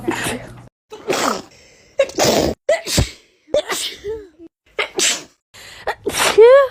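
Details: Rapid run of about eight forceful sneezes in under seven seconds, with gasping breaths between: a hay fever sneezing fit after two hours of nonstop sneezing, with a blocked nose, itchy eyes and allergy medicine run out.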